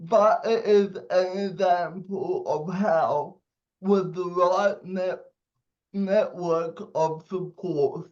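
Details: 27-year-old man with cerebral palsy giving a speech; dysarthria (cerebral palsy).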